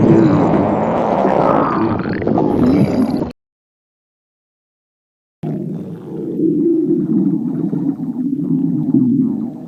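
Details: Staged scene of a girl who could not eat during work, hungry at home: loud, drawn-out rumbling and gurgling stomach growls in two bursts separated by a silent gap.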